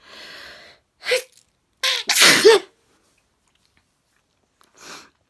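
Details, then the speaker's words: Adult sneezing at bedtime without realizing it: a short run of sharp sneezes with quick breaths between, then a softer sniff, in a quiet room; sneezing. "actually i felt like swearing because i was sneezing didn't even realize i was sneezing"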